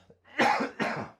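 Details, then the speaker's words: Adult man coughing after two weeks of a sore throat and a voice that is barely there: two harsh, throaty coughs in quick succession in a quiet room. "just trying to battle back sorry for all the coughing"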